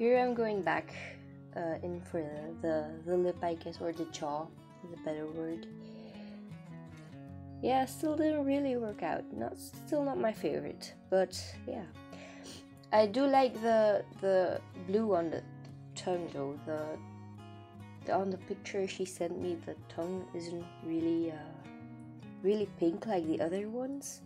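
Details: Adult woman, non-native English speaker living in Belgium, with a stutter she says she does not usually have, arising from nervousness about being recorded; stuttering.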